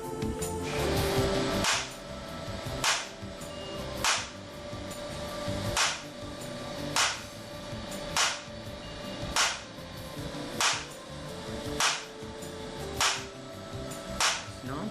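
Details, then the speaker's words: Shock wave lithotripsy on a man being treated for kidney stones: sharp, regular gunshot-like pops about 50 a minute over faint music as the lithotripter fires shock waves to break up the stone. "vamos a ver este señor está ahora mismo quitándose a base de que con este ruido de disparos de disparos de disparos"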